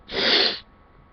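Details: Wet, snotty sneezing with a ticklish left nostril: a single forceful, hissing sneeze burst lasting about half a second, then quiet.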